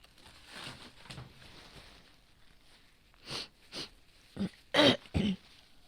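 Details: Coughing from an adult woman with asthma, normally well controlled, who feels asthmatic today at a change of season; possible asthma flare.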